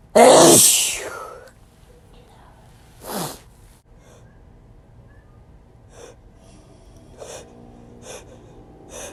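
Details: Male, after failed attempts to stifle sneezes: one forceful explosive sneeze, then a smaller second burst and a few faint clicks and breaths in a quiet room.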